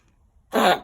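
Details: A single short, harsh cough-like burst from a dog on heart medication that is having a hard time breathing and is still coughing.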